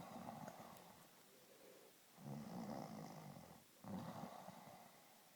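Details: Snoring.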